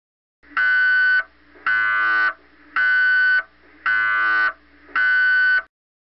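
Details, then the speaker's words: Loud buzzing electronic tones in five regular bursts, about one a second, with short gaps. These are MRI scanner sounds played in a child's pre-scan briefing for a brain research MRI, and the scanner is taking brain pictures. "when you hear any of these sounds you will need to lie very still when you hear these sounds the machine is taking pictures of your brain"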